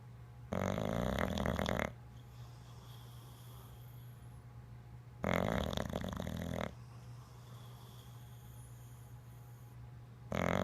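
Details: Sleeping bulldog snoring: loud, rough snores with quieter pauses between them, at about 12 breaths a minute.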